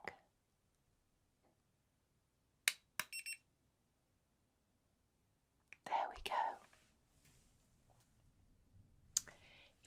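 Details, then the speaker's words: Simulated ASMR cranial nerve exam: an ear thermometer is held by the ear, not inserted, and beeps while taking the temperature, which reads 37. "so I'm just going to pop this by your ear and it won't go into your ear but it will just take your temperature you'll hear some beeping okay"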